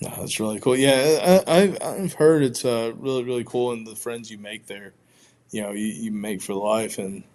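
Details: Stuttering in an adult man who identifies as a person who stutters; audible word and part-word repetitions.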